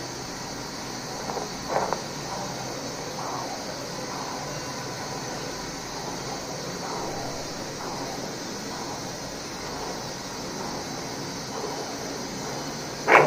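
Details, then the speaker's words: Radiocephalic AV fistula made three weeks earlier, checked at follow-up over the cephalic vein: steady rushing hiss with faint rhythmic swells, arterial flow now reaching the vein, fully functioning and usable for dialysis; AV fistula bruit. "উনার cephalic ব্রেনের উপরে radial artery কথাটা চলে এসেছে। তাই আমরা এখন বলতে পারি এই পিসলোটা এখন শতভাগ ফাংশনিং এবং শতভাগ এটা দিয়ে ডায়ালেক্সটা আমরা প্রশস্ত করতে পারব।"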